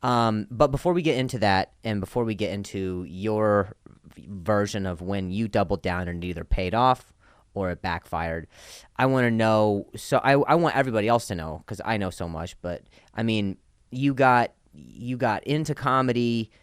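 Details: Real stuttering in a comedian podcast host who stutters and talks about his own stutter, heard in conversational speech: stuttering.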